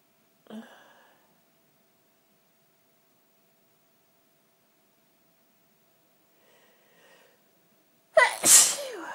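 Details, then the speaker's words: A sneezing fit: a quiet breathy sound, then a sharp, loud explosive sneeze at the end. "I need to sneeze and it keeps going away. Really annoying."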